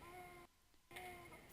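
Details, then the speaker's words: Infant with large subcostal retractions and fast breathing: short, steady voiced expiratory grunts, raising chest pressure to keep the small airways open. This signals significantly increased work of breathing and a need for assistance. "the sound he's making is grunting showing that he's needing to increase the pressure in his chest to keep open those small Airways this is a child we need to assist"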